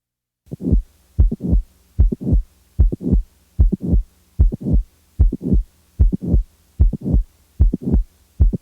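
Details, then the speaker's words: Simulated heart sounds on a teaching recording, patient with mitral valve prolapse, near 75 a minute: a mid-systolic click followed by a late systolic murmur. "the next example is that of of a late systolic murmur in a patient with a mitol valve prolapse now the mid systolic click is [Music] added now a late systolic murmur is added"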